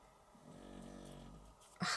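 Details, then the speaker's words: Snoring heard in the background during a crafting session: a low, rattling, fluttering breath sound rising and fading over about a second, with room noise around it. "that's Lady snoring, so I do apologise, guys, if you can hear her."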